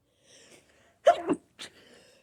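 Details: A person with a flower allergy has an allergic sneezing fit: a single sharp sneeze with a quick inhaled lead-in and a short burst.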